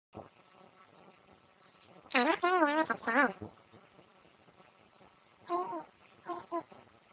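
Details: Pet gives short bursts of squeaky, musical, wavering tones, consistent with wheezing from narrowed airways: wheezing.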